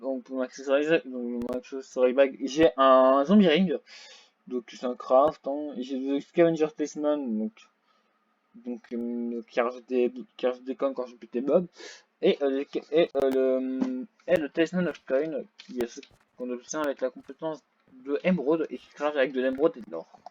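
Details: French-speaking gamer who reports a small stuttering problem; stuttering.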